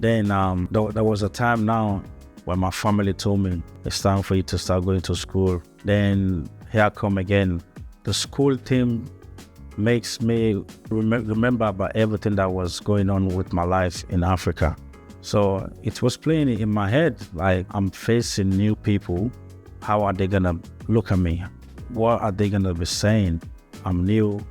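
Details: Adult man with stuttering since childhood, moved from Africa to Australia as a young boy; English is a new language for him; repetitions heard; stuttering.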